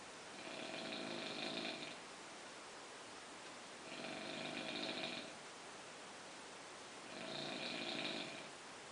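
Three slow rattling breaths, about 20 a minute, with a buzzing nasal snore on each, over steady room hiss; snoring during sleep.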